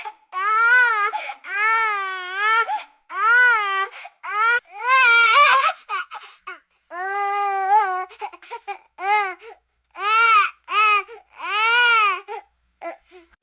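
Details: Infant crying and screaming, a sound-effect recording: repeated high-pitched, rising and falling wails separated by short gasping pauses; infant crying.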